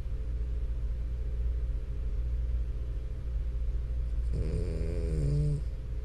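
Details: Sleeping French Bulldog, steady low rumbling snore with a louder nasal snort near the end; noisy obstructed breathing during sleep, snoring.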